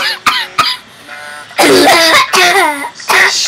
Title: Cough attack to one thing